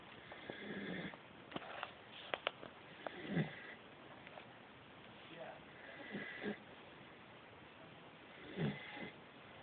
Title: Nanuk snoring